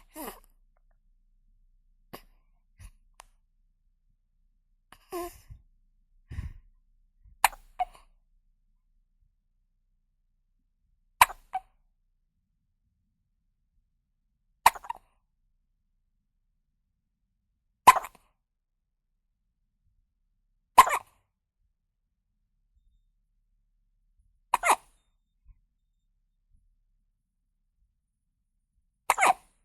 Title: Newborn Baby Hiccup Sound Effect